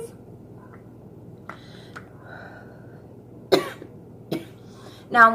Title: girl coughing a lot